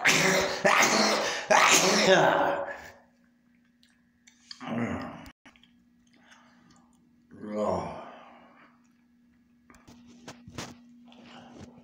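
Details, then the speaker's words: A forceful, noisy sneeze burst, then quieter breathy groaning sounds in a small room; the person says the hard sneeze upset his stomach and made it hurt. "Oh my God, my stomach hurts. I'm sneezing. I don't know why I'm sneezing."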